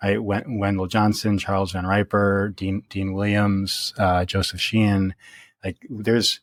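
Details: Real stuttering in an adult man who has stuttered since early childhood, worsening through adolescence; now reports speech as fairly easy after embracing his stutter; repetitions audible.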